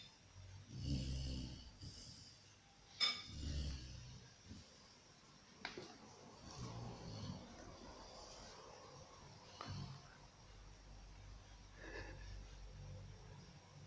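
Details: Golden retriever puppy snoring in sleep: soft, uneven snuffling snores with a few snorts in a quiet room.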